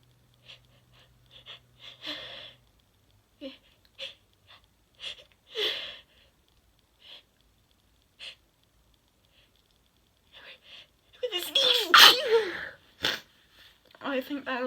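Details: Soft sniffs and hitching breaths building to a forceful explosive sneeze, then lighter breaths, from a 21-year-old.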